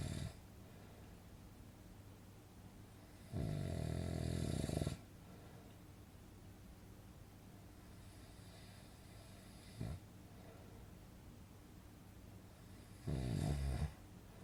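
Low rattling snores on the in-breath, separated by quiet pauses, over a faint room hiss; ordinary snoring sound effect.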